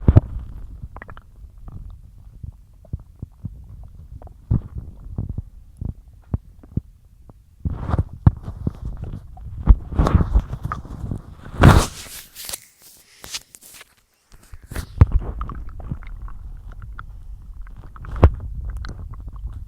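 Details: Bloated stomach after a massive lunch of cheese-loaded pasta and a large chug of milk mid-diet: low rumbling, gurgling and bubbling in irregular bursts, louder gurgle mid-clip; stomach growling.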